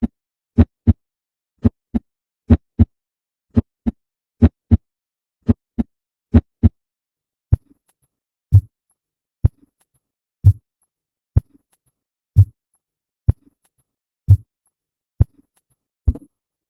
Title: Ruidos cardiacos 2